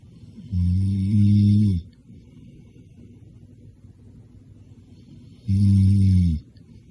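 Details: Exhausted middle-aged Japanese man snoring: two loud, deep, buzzing snores about five seconds apart, with quiet breathing between them; snoring.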